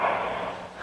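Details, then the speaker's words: Snoring recording played on a radio talk show: a brief, rough, snorting breath sound that fades out, consistent with a single snore. "Just listen to a little snoring. Okay, let's listen to some snoring. Don't you feel better"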